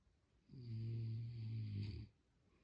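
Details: One long, low, buzzing snore on an in-breath in a quiet room; snoring.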